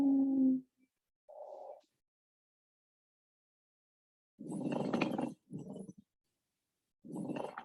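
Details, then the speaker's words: Pleural friction rub, a concerning lung sound warranting follow-up. "This is a pleural rub. This is super concerning. We want to follow up if we do hear this sound."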